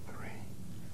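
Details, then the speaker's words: Whispered pectoriloquy on posterior chest auscultation with stethoscope diaphragm: patient's whispered "1, 2, 3" sounds louder and clearer than normal, suggesting air-filled lung has become airless. "finally ask the patient to whisper 1 2 3 when these sounds are louder and clearer than normal whispered pectoriloquy is"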